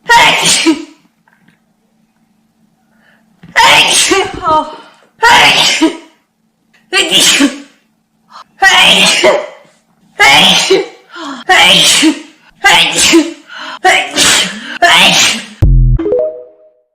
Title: Rapid sneezing